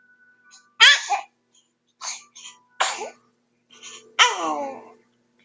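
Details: Sneezing: a series of four or five sharp, hissing sneezes in quick succession, the last loud and voiced.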